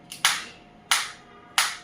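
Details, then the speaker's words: Focused (not radial) shockwave therapy applicator demonstrated on a hand at intensity 3 of 1–15, frequency 90: three sharp, evenly spaced snapping pulses as the device fires. "So you can see you can I'm feeling that shockwave, and it is 3 in the intensity."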